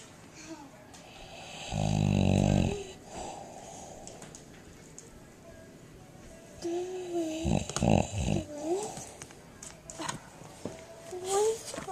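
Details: Boxer dog asleep with its face in a sippy cup: a loud rattling snore, then softer whistling, whining nasal breaths; snoring.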